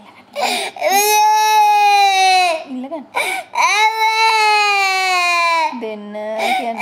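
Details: Infant crying: loud, sustained wails in long bursts separated by brief gasping breaths, an ordinary vigorous cry.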